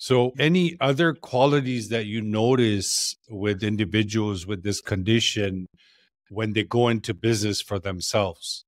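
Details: Adult male speaker; ordinary speech.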